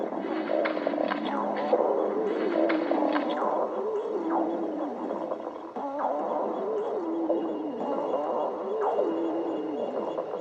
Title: Sticks the badger stomach growling 3